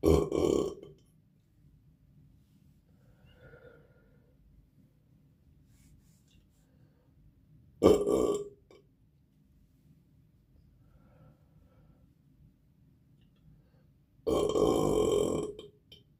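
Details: Three loud, drawn-out belches separated by quiet pauses, the last lasting over a second; repeated burping.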